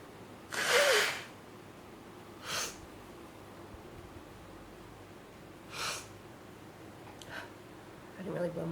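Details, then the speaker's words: Woman with a clogged, swollen, throbbing nose after snorting sneeze powder blows her nose: a few forceful airy nasal blows and snorts with long pauses, nasal congestion. "My nostrils are too clogged to snort any of that in my >> It's swollen."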